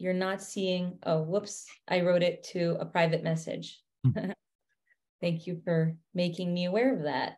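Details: Adult woman speaking; no speech disorder.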